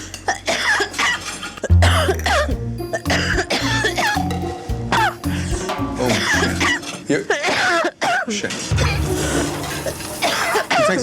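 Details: Coughing fit in an adult waitress after tasting a garlicky dish: repeated harsh coughs, throat clearing and groaning, with music playing throughout.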